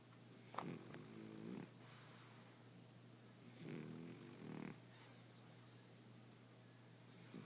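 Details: Sleeping dog the night before nose surgery and neutering: two slow, rattling, buzzy snores over steady room hum; snoring.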